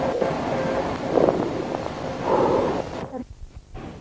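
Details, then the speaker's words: Amphoric breath sound, as described in pneumothorax (air in the pleura): two hollow, blowing breaths with a faint ringing tone, then a pause and a brief voice. "cuando hablamos de soplo cbit ario o de soplo anfóricos en el caso del neumotórax también nos estamos refiriendo a la misma respiración laringotraqueítis hacia la periferia a través de una cavidad soplo cavernoso cbit ario oa través de aire en la pleura neumotórax soplo en fólico"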